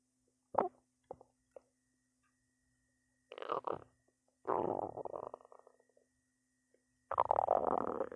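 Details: A person's belly growls a lot: stomach growling (borborygmi).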